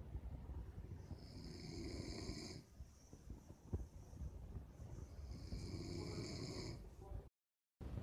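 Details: Man asleep: two long, rough, rumbling breaths with a whistling edge and a quiet pause between them; loud snoring during sleep.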